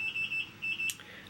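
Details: Beeping IV infusion pump alarm from a line in the arm of a woman after her third C-section, giving birth at 37 weeks; quick bursts of high-pitched beeps, about five a second, triggered by bending the arm though fluids still flowing.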